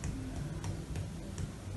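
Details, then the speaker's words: Percussion of the anterior chest: hepatic dullness from the sixth rib on the right, Traube's space tympany on the left, percussing down to the ninth intercostal space. "está la matidez hepática del lado derecho, y del lado izquierdo está el espacio del trau, que en esta vamos a percibir el timpanismo y seguimos percutiendo hasta el noveno."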